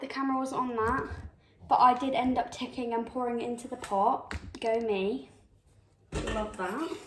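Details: Tourette syndrome in a real person who tics throughout, including violent and aggressive tics; vocal tics of Tourette syndrome.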